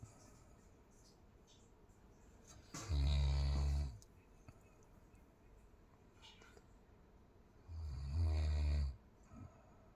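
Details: Snoring attributed to a poor sleeping position: two loud, deep, rattling snores about six seconds apart, each lasting about a second, with quiet breathing between them.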